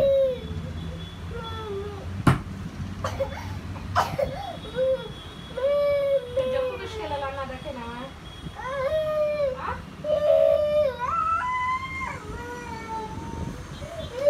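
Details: Child crying in rising and falling wails and sobbing bursts, with a faint hum of room noise underneath.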